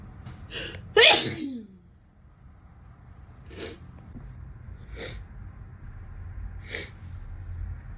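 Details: One loud, forceful sneeze, then four short, sharp nasal bursts of snotty nose blowing or sniffing, over steady room hum; sneezing.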